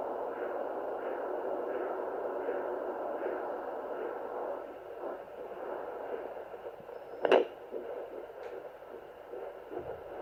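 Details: Rhythmic whooshing pulses over steady Doppler hiss, fading after a few seconds, then a handling click: fetal heartbeat on a Sonoline fetal Doppler at 14 weeks 4 days of pregnancy.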